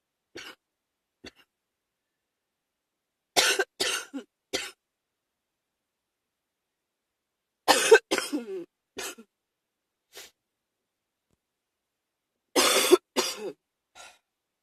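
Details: Three bouts of harsh coughing during a cold, each a strong burst trailing into smaller coughs; cough with a common cold.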